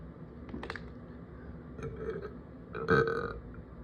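A small throaty sound, then a louder drawn-out belch from the throat, an ordinary burp.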